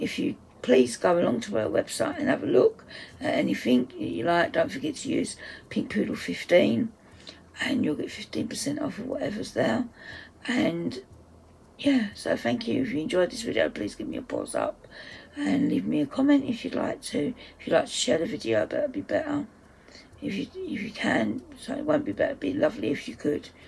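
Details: Adult woman's self-reported voice dysphonia, which she says is playing up; dysphonia.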